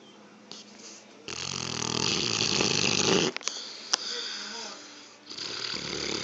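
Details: Sleeping dog snoring: a loud, harsh, rattling breath lasting about two seconds, a couple of snorts, then softer breathing.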